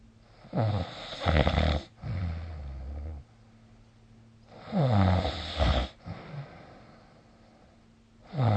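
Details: Snoring recorded with the SnoreLab app: loud, rattling snores on each inward breath, about 17 a minute, separated by quieter breathing out.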